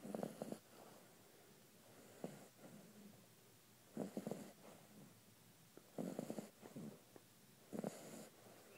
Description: Snoring sharpei at 6 weeks old